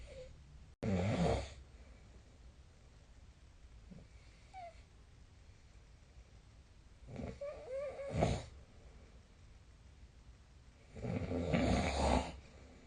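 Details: Quiet room with a few irregular, rough low breathing noises during sleep, some louder and rattling; snoring recorded with a snoring app.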